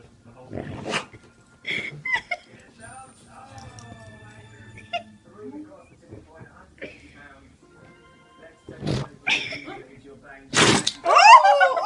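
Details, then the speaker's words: Dog sneezing fit, possibly from bits up his nose: several sharp, explosive nasal bursts a few seconds apart, with people talking and music in the background. "I reckon bits went up his nose then."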